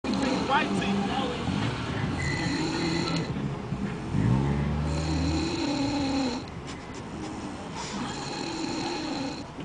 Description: Tifa snoring after new years